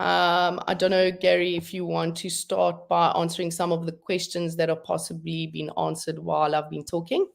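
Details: Adult woman speaking; normal voice.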